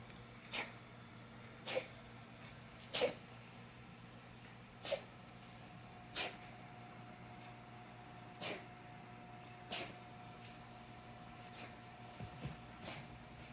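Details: A pet cat, reported to have been coughing for some time and never seen by a vet, gives about nine short, sharp coughs over thirteen seconds while in the living room; owner wonders asthma or hairball.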